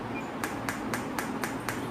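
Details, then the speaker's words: Biotronix PEMT loop pulsed electromagnetic therapy device applied to the shoulder joint, intensity being raised: sharp regular clicks about four per second over a faint hum, pulse sound changing with intensity. "this is three. Now I'm send to five. So you can see the difference in the intensity sound."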